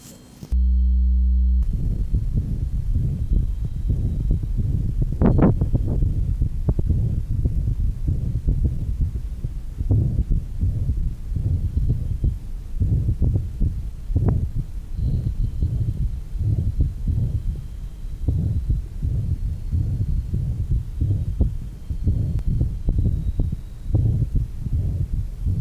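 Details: 1955 heart sound laboratory recording of rheumatic heart disease, moving through the aortic, pulmonic, left lower sternal border and apex areas, rapid low heart sounds with murmurs of mitral stenosis and mitral insufficiency.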